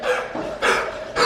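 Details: Female Beagle coughing as if something were stuck in her throat, vet diagnosed a seasonal canine bronchitis: two harsh, dry, honking coughs; kennel cough.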